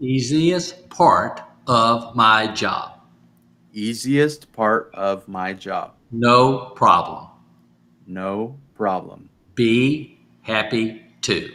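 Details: Adult male stroke survivor with aphasia caused by stroke, still recovering, practising phrases from sticky notes as part of home therapy; aphasia.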